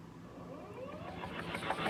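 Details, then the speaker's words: Airway clearance vest placed around the lung fields of a seated person in a respiratory therapy check-off demonstration. Rising motor whine, then steady rapid pulsing hum as the vest vibrates the chest; machine set for 20 minutes. "you can see it is going to throw that vibration through the vest and it's going to just vibrate through there"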